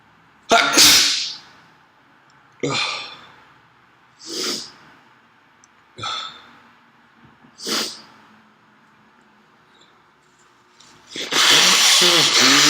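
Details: A run of about five sharp sneezes and sniffs, then loud nose-blowing or rustling, from a person with a cold and heavy nasal discharge; sneezing.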